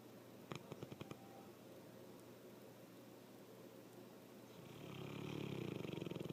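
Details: Soft rhythmic fluttering breath sounds, louder toward the end, over room noise, in snoring that grows louder over the recording: light snoring.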